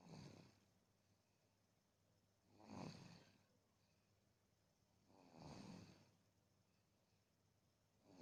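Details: Baby snoring: quiet, low rumbling snore on each breath, regular, about 23 breaths a minute.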